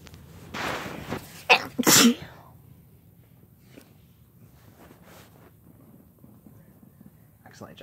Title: Kissing while having a sneezing fit (F+M)